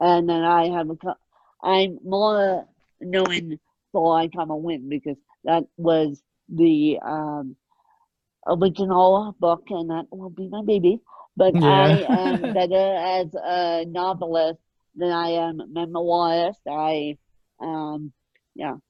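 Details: Adult woman born with moderate ataxic cerebral palsy, mid-spectrum, caused by lack of oxygen at birth, needing 24-hour care; dysarthric speech in ataxic cerebral palsy.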